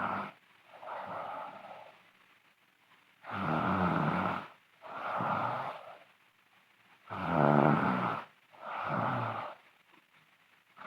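Loud, rattling snoring on both breathing in and out, about 16 breaths a minute, with quiet pauses between.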